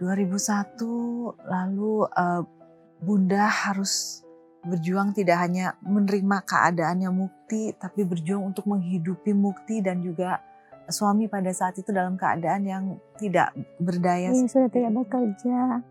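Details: Adult woman speaking Indonesian; normal speech.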